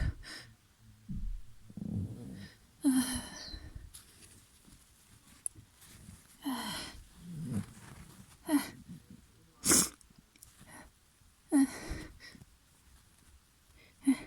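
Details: Person with a very snotty, runny nose: several wet, explosive sneezes with sniffing and congested breaths between them, followed by a nose blow.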